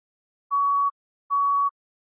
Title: Heart Rate Monitor Sound Effects | All HQ Sounds